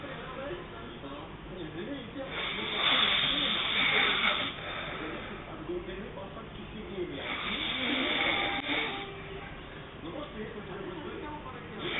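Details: Adult woman sleeping, heavy snoring: loud, rough, hissing breath noises with each breath, about 13 a minute; snoring.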